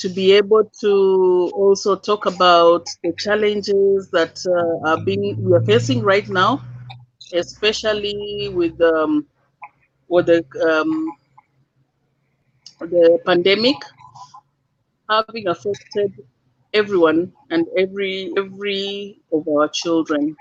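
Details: Dysarthria in an adult man living with cerebral palsy.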